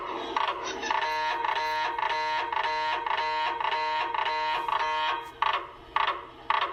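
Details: MRI scanner noise during imaging: loud, rhythmic electronic beeping tones, about two a second, then sharp spaced knocks.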